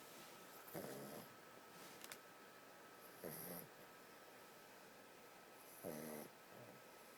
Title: Shhhhh SomeBuddy's Snoring